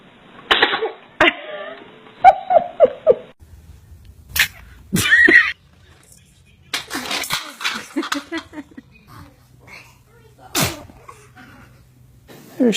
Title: The cutest babies sneezing 🤣 💕 💕